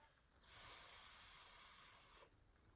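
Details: Speech-language pathologist models correct /s/ in isolation, the target sound taught to a child with a lisp; correct /s/ production in isolation.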